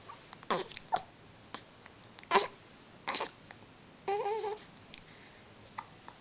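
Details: Newborn baby a few days old, still in hospital, with a few sharp, sudden hiccup bursts at irregular intervals and soft fussing between them: hiccups.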